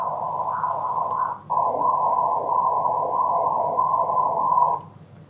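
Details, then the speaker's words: Doppler ultrasound of a vascular access in a 39-year-old woman with lupus-related renal failure, saphenous vein transposition, possible past DVT, arm swelling: continuous loud whooshing flow measured in the common femoral vein at the groin, about 1 L/min, high flow. "It's about 1 liter per minute, as you can see here. It's relatively good and high flow."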